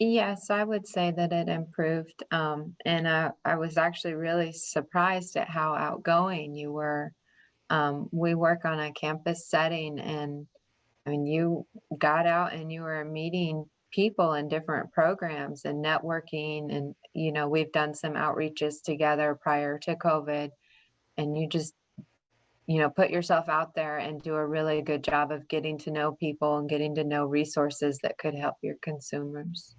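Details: Adult woman speaking; normal speech.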